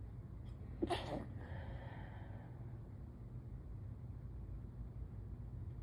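A single muffled, stifled sneeze burst against a quiet room hum.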